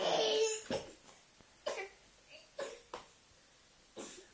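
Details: A child imitates an adult's bad cough with about five short, harsh cough-like bursts in a small room, possibly mixed with laughter. Imitated cough, not real.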